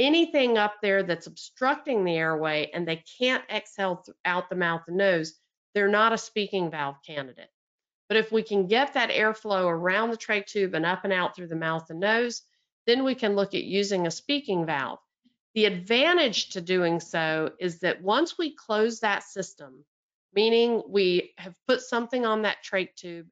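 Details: Adult woman speaking; ordinary speech.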